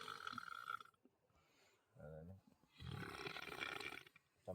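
Loud, low, rough voiced burps separated by quiet gaps; belching.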